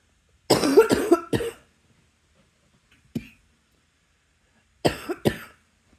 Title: # 148 long time no cough... I'm sorry my loves